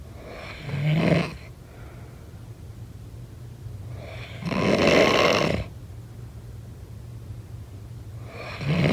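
Harsh, rattling snores recur on the in-breath about every four seconds, with quieter breathing between.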